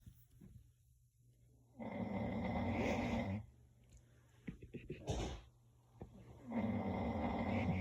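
Two long, coarse, rattling snores separated by a quiet gap with brief snorts; loud snoring.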